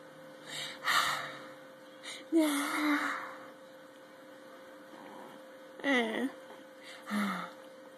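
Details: Baby boy, smiling around a sneeze: several short gasping intakes of breath and soft vocal sounds, with an adult talking and a steady room hum.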